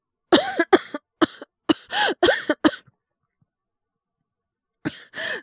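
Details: Acted coughing by a male Japanese voice actor playing a teacher with cough and fever: about seven short, harsh coughs in a quick run, a pause, then two more; all performed, not real illness.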